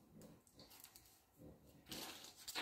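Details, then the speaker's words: Faint, soft snorting breaths from a sleeping small dog amid quiet rustling room noise: snoring. "ce que vous entendez c'est pas un tuyau c'est le petit qui ronfle"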